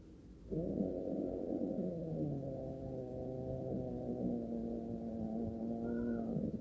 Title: Old cat snoring while sleeping - audio only